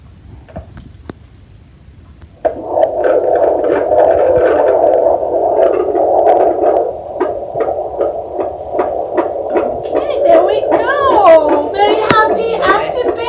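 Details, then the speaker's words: Fetal heartbeat on handheld Doppler with gel on a pregnant mother's abdomen, over the baby's back, by a certified midwife; fast, regular galloping whoosh around 140 per minute, normal fetal heart rate, baby moving. "so usually we count this for um a minute and just listening to it it's like 140s there we go i love the sound of heartbreak it's so amazing it's so amazing"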